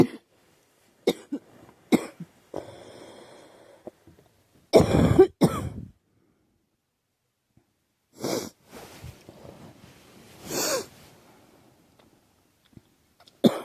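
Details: Girl who thinks she is getting a cold, with a scratchy, sore throat: several harsh coughs and throat clearing in separate bursts. Cough with a common cold.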